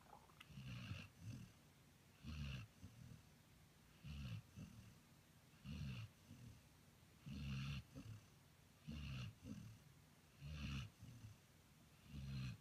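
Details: Soft, regular noisy breaths, a snore on each breath-in and quieter breath-out, about 30 a minute; light snoring.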